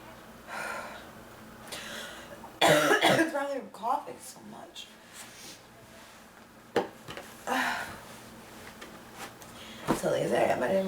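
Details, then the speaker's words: Cough from diagnosed bronchitis, second day of illness and worsening, with chest pains: a burst of harsh, chesty coughs, then a few single coughs and throat clearing. "got up against the tissues but I need one uh laughs"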